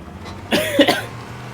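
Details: Gamer coughing during Halo gameplay talk: one short, voiced cough of two or three quick bursts, with faint room noise behind; an ordinary single cough.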